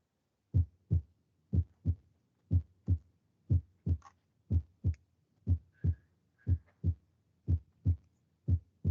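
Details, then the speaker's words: Teaching recording of normal heart sounds: crisp paired lub-dub (S1, S2) at about 61 per minute with clean, quiet gaps, no murmur. "Entonces vamos a empezar con esto de acá. El primer ruido cardíaco normal."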